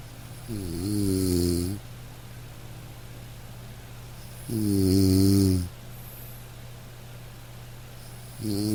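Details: Snoring sound-effect recording: loud, low, rattling snores at about 16 a minute with quiet pauses and faint hiss between them; snoring.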